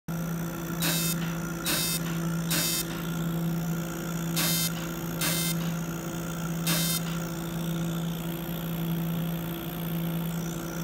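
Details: Fractional CO2 laser in operation for skin rejuvenation: steady machine hum with repeated short high-pitched beeping bursts during firing.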